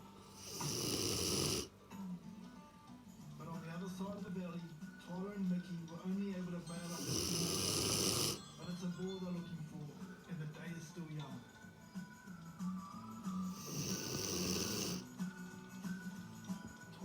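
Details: Female Neo mastiff cross dog snoring after falling asleep on the way outside: loud rasping snores about every six seconds, with voices and music in between.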